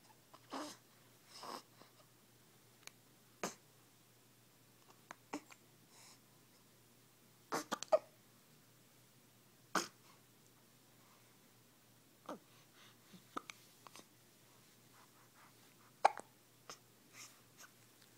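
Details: Newborn baby with hiccups: repeated small, abrupt catches of breath at irregular intervals, roughly fifteen in eighteen seconds; hiccups.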